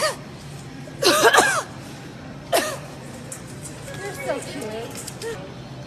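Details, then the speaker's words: Two short, voiced cough bursts from an adult woman coughing toward people in a store, with faint store background noise and quiet talk; she says she is not sick. "she's coughing on me she's coughing at me"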